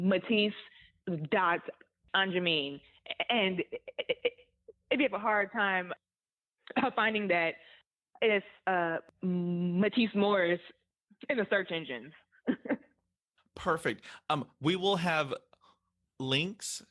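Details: Stuttering in an adult woman who stutters.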